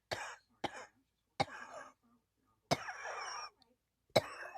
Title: ugh I can't stop coughing, 😔